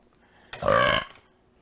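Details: Streamer on a live stream, a single loud voiced belch about half a second long in a quiet room; burping.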